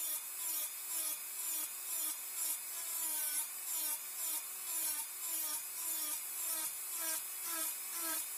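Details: High-speed dental handpiece doing multiplanar occlusal reduction of the mesiolingual cusp on a typodont mandibular first molar (#36) for a full veneer crown: high-pitched whine with rhythmic grinding strokes, about two a second.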